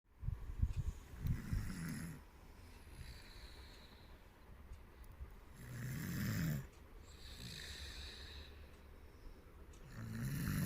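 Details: Low, rumbling breathing sounds recurring every few seconds during sleep, with a fluttery, throaty quality: snoring.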